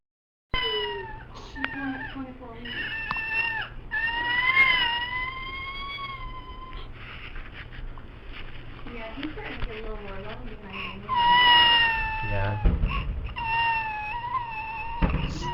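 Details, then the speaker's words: Infant with cri-du-chat syndrome (deletion on the short arm of chromosome 5) gives high-pitched, thin mewing cries like a cat, the characteristic cri-du-chat cry. "Bien, pues ese es el llanto característico en estos pacientes, ¿sí? En los pacientes con Cradle Chat."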